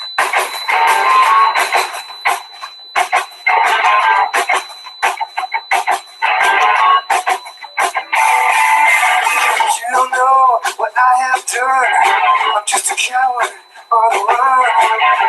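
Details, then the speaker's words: Simulated hearing as heard by a person with 30 dB hearing loss plus tinnitus: music at lowered volume with pink background noise and a thin, steady high-pitched whistle over much of it. "veis que esta persona aparte de que ha perdido audición se oye cómo es el ruido rosa de fondo aquí la vaya a ver bien con tinnitus cara explicaré que de como si fuera un pitido"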